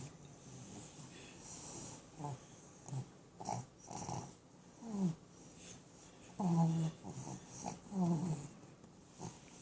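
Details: Irregular snorting, whistling snores about 39 a minute, some breaths squeaky, from a sleeper snoring with eyes open.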